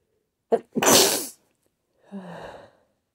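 A quick catching inhale, then one loud explosive sneeze, followed by a softer voiced exhale; an ordinary induced sneeze.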